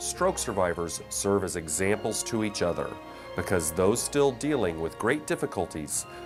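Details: Adult male narrator; plain speech.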